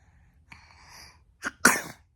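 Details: An 11-month-old Korean-Australian baby sneezing: a soft breath intake followed by a small, quick sneeze burst.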